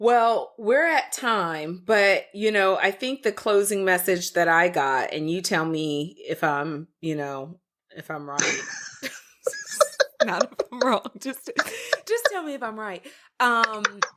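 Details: Adult speaker; typical speech.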